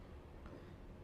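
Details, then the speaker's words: Steady low continuous rumbling without breaks, made by circling a stethoscope on the palm: simulated imitation of a continuous machinery murmur. "यह sound मिलती है हमें machinery मर्म्स में।"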